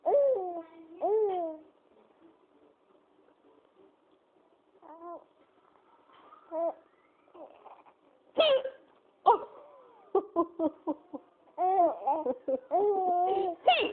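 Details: An adult with hiccups laughs at them: high, squeaky laughter broken by brief, sharp voiced gulps; hiccups.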